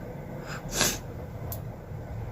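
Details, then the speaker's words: One short, breathy sneeze over a steady background hum, from a person in a sneezing challenge who tickles her nose with a stick to induce sneezing; her nose burns and her eyes are watering. "চোখ দিয়ে জল চলে আসছে। তো ফ্রেন্ডস, আমার চোখ দিয়ে পুরো জল চলে আসছে হাঁচি দিতে দিতে।"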